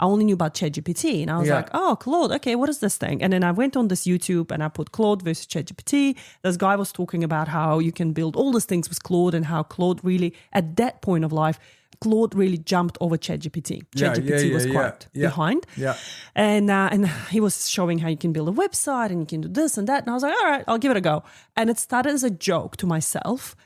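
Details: Adult speaker; typical speech.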